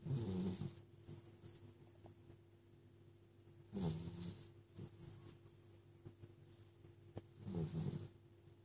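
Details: Sleeping puppy snoring: three soft, low, rumbling snores about 16 a minute, with a steady background hum.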